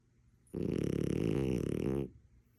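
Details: A sleeping French Bulldog, possibly a puppy, snoring: one loud, rattling, fluttering snore lasting about one and a half seconds.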